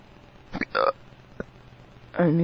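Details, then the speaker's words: Drunk man with powerful hiccups that hurt his tummy: abrupt voiced gulping hiccups, one short catch, then a brief voiced sound; he says his hiccups sound weird. "I'm drunk. Oh. My hiccups sound weird."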